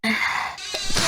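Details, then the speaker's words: Sneeze from an adult woman who has been sneezing repeatedly all week and suspects mold in her room: a single forceful, hissing sneeze followed by a brief breathy catch. "oh my God why am I sneezing so much I must not be used to the mold it's been a while"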